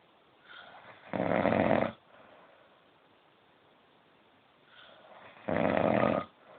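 Two loud, harsh, rattling snores about four seconds apart, each following a softer breath: snoring during sleep.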